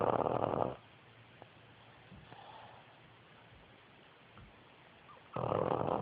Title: Snoring pug